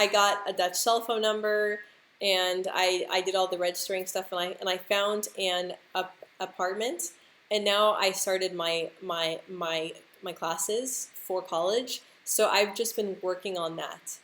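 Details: Adult woman who stutters, speaking English with word and part-word repetitions; stuttering.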